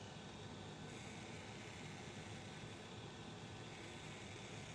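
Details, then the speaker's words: Steady rushing airflow hiss with a low hum from a cold air blower cooling the skin during a MOXI laser skin treatment. It is used after 30 minutes of topical numbing cream as a pain measure. "so another little pain measure we like to do is to give cold air during the treatment it does help if we can make it more comfortable"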